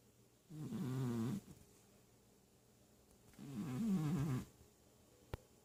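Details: Two slow, rumbling snores, each about a second long with a quiet pause between, from a sleeping cat that habitually wheezes; cat snoring.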